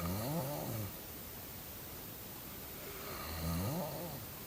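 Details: Two low, rough, fluttering snores about three seconds apart, with a quiet pause between: snoring.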